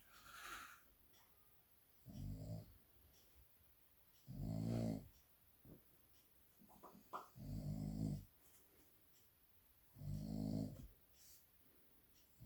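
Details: Loud, rattling snores from a sleeping small dog, one about every two to three seconds, with soft snuffles in the pauses; owner's attempts to wake him don't work.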